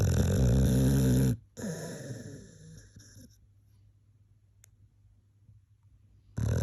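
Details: Loud, low, rattling snores from a sleeping dog, each trailing off into a quiet pause before the next; snoring.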